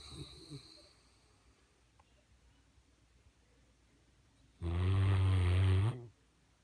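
One loud, low, rumbling snore lasting over a second, following quiet breathing; dog snoring.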